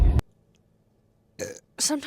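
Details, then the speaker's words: Woman belching after drinking Coke: a loud, brief, deep belch, then a pause and a few spoken syllables; burping. "get stuck and then I don't enjoy myself."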